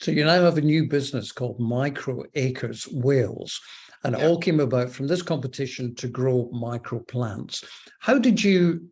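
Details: Adult male speaker; typical speech.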